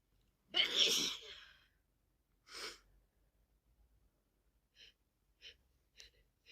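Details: A strong sneeze, then a smaller second one, followed by several short sniffs, from a person with a bad head cold and a blocked, running nose; sneezing.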